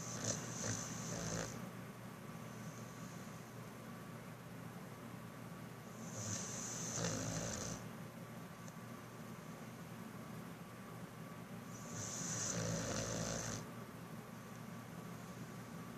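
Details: Six-month-old Brittany dog snoring: three slow, rattling snores with hissy airflow, about one every six seconds, roughly 10 a minute; ordinary snoring while sleeping.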